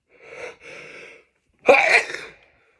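A drawn-in breath, then one sharp explosive sneeze: an ordinary sneeze.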